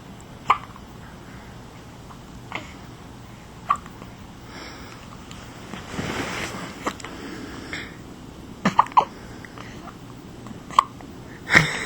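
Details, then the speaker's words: Infant girl, hungry, with hiccups: soft, brief hiccup sounds recurring every one to two seconds against room noise. "here's one hiccuping baby are you hiccuping"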